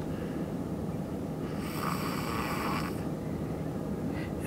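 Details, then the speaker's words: Six-year-old child snoring loudly in the next room: a single rough, rumbling snore rising out of steady low room noise. "how can you sleep with a little six-year-old snoring that loudly in the room next to you"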